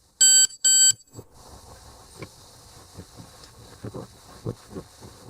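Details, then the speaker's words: ThermoGlide thermal ablation for cervical pre-cancer, training demonstration: two sharp electronic beeps over quiet room noise; a longer beep marks treatment complete, and the probe is held in place while the unit cools before removal. "foreign with that longer beep the treatment is now complete I will hold this in place as the unit cools down before removal"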